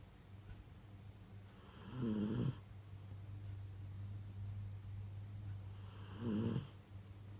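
Two deep, rattling snores about four seconds apart over a steady low hum, roughly 14 breaths a minute: ordinary snoring.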